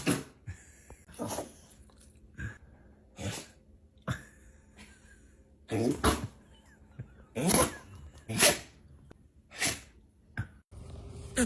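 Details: Compilation of sneezing animals and pets: about nine short, sharp sneezes with brief snorts between them, over faint room noise.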